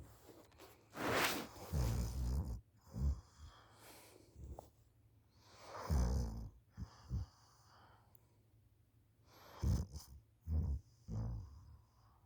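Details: School student asleep on the couch after school, recorded by a parent: irregular harsh, rattling breaths with low snorts and quieter gaps between them; snoring.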